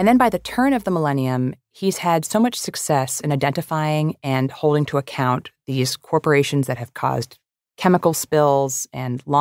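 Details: Adult narrator; normal voice.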